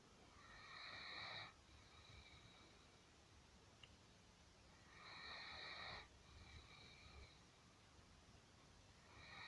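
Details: Great Dane dog snoring in sleep: slow, airy, whistling breaths in and out about every four seconds, roughly 14 a minute, over steady background hiss; big soft snores.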